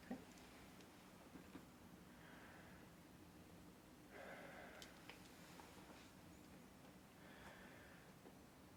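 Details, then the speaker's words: Pulmonary exam demonstration, stethoscope auscultation of the back while the adult male patient breathes deeply in and out through the mouth: soft, slow breaths with a breathy hiss, no wheeze or crackle. "so Mr L I want you to take a deep breath in and out through your mouth each time when you feel the stethoscope okay good"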